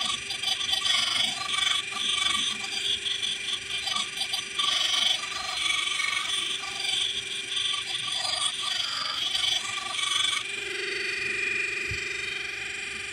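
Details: Home electric ultrasonic scaler cleaning teeth stained by coffee: high, thin buzzing whine that stutters and scrapes against teeth, with background music; removing stain and tartar.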